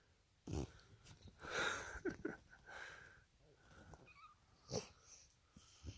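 Irregular snorting, wheezy breaths with whistling and snuffling noises from a flat-faced dog; noisy snoring from narrowed upper airways.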